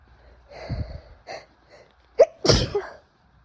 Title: Hitchy Sneezes + Noseblows (F)